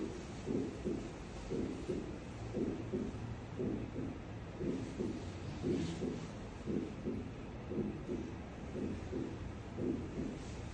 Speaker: En el bloqueo de la rama derecha puede ocurrir un desdoblamiento anormal del primer ruido cardíaco.